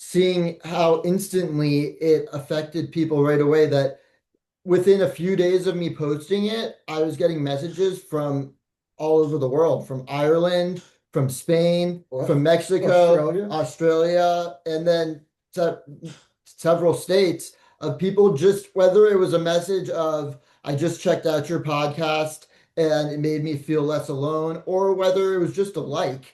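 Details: Adult speaker; Ordinary speech.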